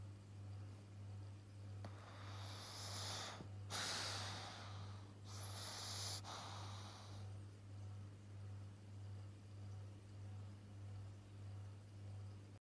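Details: Snoring in a sleeping 7-month-old Pug puppy: a few harsh, snorting noisy breaths over a steady background hum; snoring.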